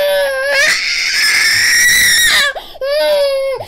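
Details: 18-month-old girl with walking and balance issues attributed to birth trauma, crying during chiropractic adjustment: loud, high-pitched sustained crying with a brief catch of breath before the wail resumes; strong, vigorous cry.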